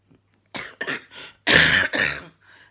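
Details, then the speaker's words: Adult with a hacking cough worse in bed at night, unable to lie flat and kept awake around 1 a.m.: a rapid run of about five harsh, dry coughs in quick succession. "this cough of mine I've been up to bed and all I did was just have this hacking cough going all of the time keeping myself awake"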